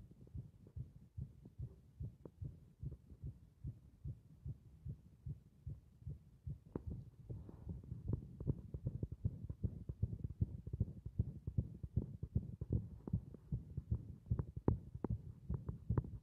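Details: Heart beating against compression: a steady, low, thumping heartbeat that grows faster and stronger midway, rising to roughly 150 beats per minute.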